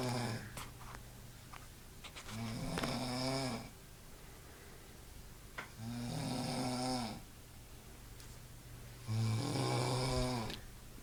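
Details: Person passed out asleep snoring heavily: loud, rumbling snores on each breath in, three over about 11 seconds, roughly 16 breaths a minute.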